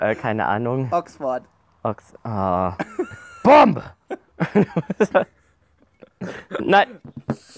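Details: A person with Tourette syndrome speaks German after inhaling helium, and the vocal tic 'Bombe!' is interjected; vocal tics (Tourette syndrome).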